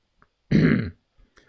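One short, rough, low throaty rasp of about half a second in a quiet room: a deliberate, imitated throat clear.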